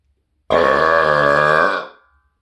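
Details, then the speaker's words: A deliberate, voluntarily produced burp: one long, loud, deep, voiced belch lasting about a second and a half. "but uh to cap this off i will burp for you guys let's have a more complete one"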